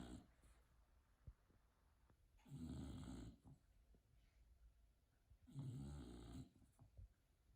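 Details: Bulldog sleeping on a couch, snoring: loud rattling snores on each in-breath, about 20 a minute, with quiet breathing between.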